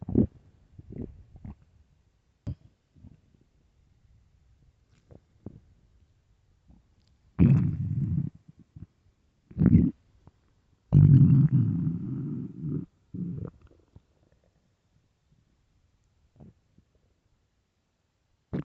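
Low gurgling rumbles from the belly, some long and drawn out, between quiet gaps; ordinary stomach growling, as with hunger.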